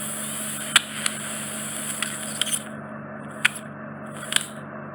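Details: Endoscopic microsuction of deep impacted wax in a man's right ear canal, causing reduced hearing: steady high suction hiss with low hum, broken by sharp clicks and crackles as instruments work the large plug; ear microsuction.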